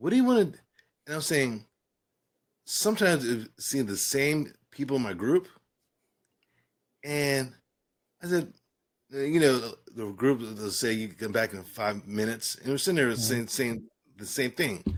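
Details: Adult man with aphasia following a stroke and traumatic brain injury, after a coma and later speech therapy; aphasia.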